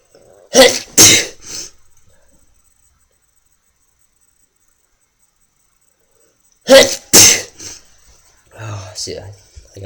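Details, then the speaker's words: Man deliberately triggering sneezes by pushing a fingernail against the nostril wall: two bursts of paired sneezes with a long quiet gap and some breathy sounds after. "push it and then you to want to start sneezing see I'm done but watch ready I can do it again gets a little harder after takes a little longer more pressure"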